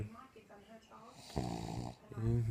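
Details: Snoring from a woman who says she does not snore: a loud, low, vibrating snore on the breath in, after a few softer breaths.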